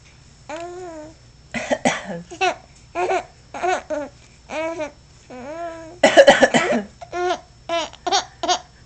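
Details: Repeated short adult coughs mixed with an infant's squealing laughter and babble in a small room; the coughing apparently amuses the baby.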